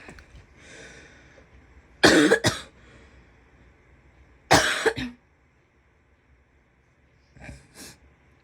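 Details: Female coughing: two sharp double coughs and a faint softer pair of coughs near the end, over quiet room noise. Cough.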